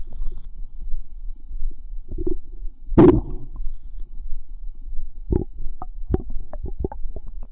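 Low gurgling rumbles with scattered bubbling pops and squelches, typical of active bowel sounds.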